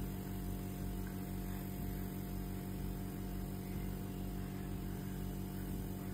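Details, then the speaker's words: Steady low motor hum with a rapid pulsing buzz throughout: a nebulizer compressor running with medicine for lung phlegm, while a child plays with its airflow as a hair dryer. "ఇది hair డ్రైయరా? Nebuliser వచ్చి hair dryer అంట."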